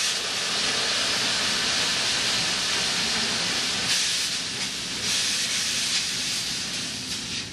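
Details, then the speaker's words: Steady loud hiss of a steam jet cleaning a sternal spreader in a hospital decontamination area, forcing debris out of the grooves, crevices and blades: steam cleaning of a surgical instrument. "it does down within the grooves as you can see the difference between getting that extra burst of steam and getting that cleaned down in him"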